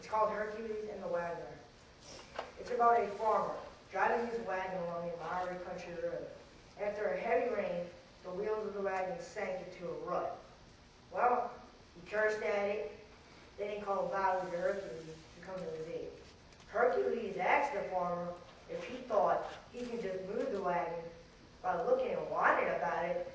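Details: 14-year-old boy with cerebral palsy after a premature birth 13 weeks early with lack of oxygen to the brain; he was expected never to talk and had speech therapy; mild dysarthric speech.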